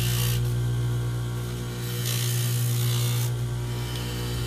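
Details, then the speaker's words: Steady loud motor hum with a rapid rattling grind throughout, a dental lathe grinding a flat surface on denture teeth during setup for a wax try-in. "what I do is turn my light on so you can see just grind [Music]"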